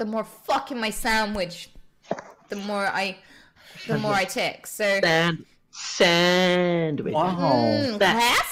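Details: Person with Tourette syndrome ticcing in a group setting; vocal tics (Tourette syndrome).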